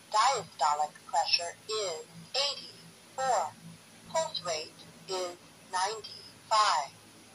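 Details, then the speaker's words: Talking digital blood pressure monitor (Cofoe KF-65B) reading out results: synthetic voice announces systolic 134, diastolic 81, pulse 94, high normal per WHO standard; blood pressure monitor voice prompt. "metallic pressure is 134 diastolic pressure is 81 pulse rate is 94. according to the World Health Organization standard your blood pressure level is high normal"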